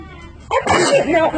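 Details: Baby girl, able to sit up, sneezing, then one more sneeze; sneeze.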